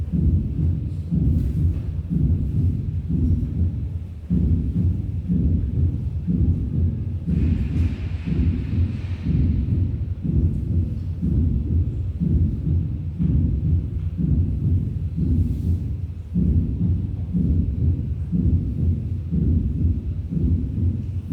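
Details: Fourth heart sound (S4): low-pitched heart sounds about 60 a minute with a soft extra sound just before the first sound, contrasted with a third heart sound.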